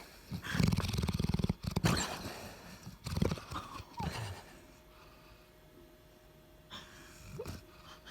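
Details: Sleeping dog: loud rattling snores, then quieter breathing with some room noise; snoring.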